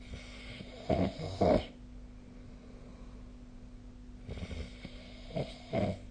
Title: 🐽 本日のイビキ / Snoring Sleep Sound 2025/05/13